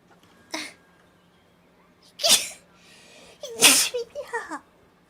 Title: Double Blessed sneezes